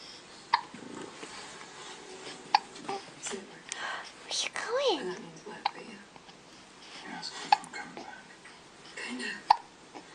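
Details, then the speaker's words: 2-month-old baby with repeated short, sharp hiccups about every two seconds, five in ten seconds, with soft baby vocal sounds and quiet room noise between; hiccups. "You got those hiccups. You got those hiccups."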